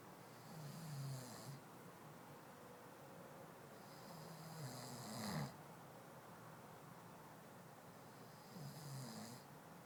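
Soft rumbling snores with a whistling hiss, about 14 breaths a minute, over steady room noise; ordinary sleep snoring.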